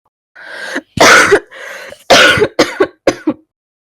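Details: Woman, former smoker with E-cigarette or vaping-associated lung injury (EVALI) and permanent congested cough: loud throat clearing then harsh, wet coughs, about six bursts in four seconds; she also has wheezing and stuffy nose.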